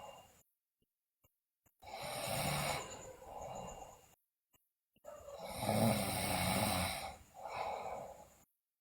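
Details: Sleeping girl snoring loudly, also described with bruxism and sleep-talking: two rough snoring breaths, each a long rattling inhalation then a shorter noisy exhalation, with quiet pauses.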